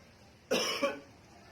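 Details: A single short cough-like burst with a second pulse, made by a pet mynah bird imitating its owner's human cough: imitated cough (bird mimicry).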